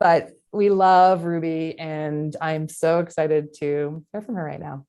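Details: Adult woman speaking; Normal speech.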